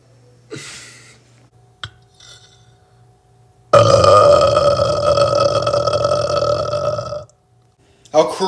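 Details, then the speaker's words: A boy gives a long, loud, rumbling burp lasting about three and a half seconds, with brief sounds before and after, then says "I do got a burp though, excuse me." "I do got a burp though EXC excuse me"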